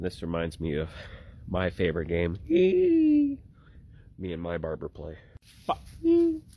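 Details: Vocal tics interrupting speech in an adult man with Tourette syndrome.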